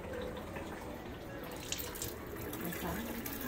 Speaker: as you see here the water flows by gravity there's no pressure pushing the water in